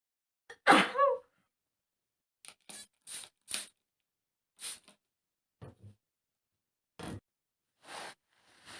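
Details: Female sneezing from dust while cleaning a messy room: one loud sneeze followed by a string of short, sharp nasal sneezes and sniffs in a quiet room.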